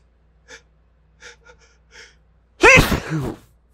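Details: Sneezing deliberately triggered by inhaled pepper/spice: a few quick catching inhalations build up, then one loud explosive sneeze with a voiced trailing sound.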